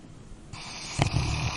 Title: Dog Snoring Sound Effect